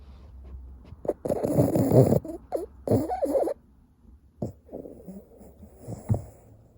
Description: Bolt the Boston terrier is fast asleep snoring.